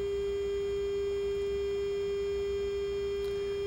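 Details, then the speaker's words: Omnisense 8000S ultrasound bone sonometer: steady, pure, mid-pitched tone held throughout the second measurement cycle, started by foot pedal. "go right through that audible sound again we'll continue until this cycle is finished"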